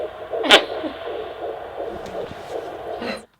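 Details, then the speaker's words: Fetal heartbeat at 10 weeks of pregnancy, heard at a midwife appointment for the first time: fast, soft rhythmic pulsing under a steady hum and static. "We had an appointment with the midwife and we got to hear the baby's heartbeat for the first time, and it was really surreal and unbelievable."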